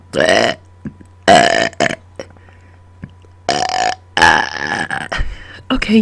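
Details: Loud, long voiced belches in repeated bursts with short pauses between them, made on command after dinner; excessive belching.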